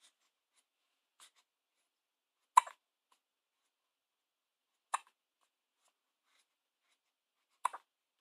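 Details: Hiccups: four short, sharp hiccup sounds, roughly every two and a half seconds, in a quiet room.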